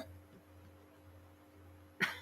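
A single short cough or throat clear follows two seconds of quiet room hum.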